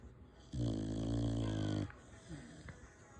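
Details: Dog named Samson snoring: one loud, drawn-out, droning snore of about a second and a half, followed by quiet breathing and faint room sounds.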